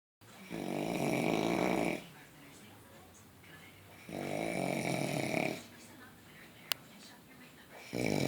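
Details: Snoring from an adult man being put to bed: loud, rough snores on each breath in, about 15 a minute, with quiet pauses between; he denies snoring when asked.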